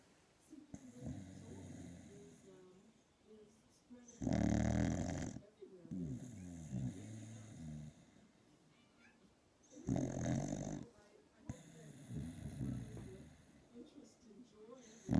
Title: Frank the dog snoring. Really loud! Hilarious!!